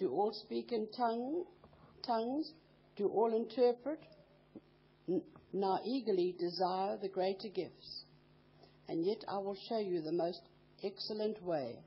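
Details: Adult speaker reading aloud in a room; Ordinary speech.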